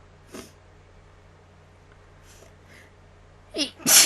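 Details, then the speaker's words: A person recording their own sneezes on request: faint sniffs and a quiet intake of breath, then a sharp, loud sneeze burst; ordinary sneezing. "um I had fun sneezing for you all uh hope you enjoy this video that I'm going to post probably sometime"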